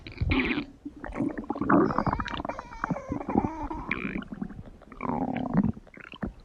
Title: 5 minute of my stomach growling #53